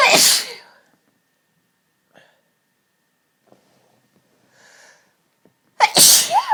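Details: Two forceful sneezes about six seconds apart with quiet breaths and small sounds between, part of a run of repeated sneezes; sneezing fit.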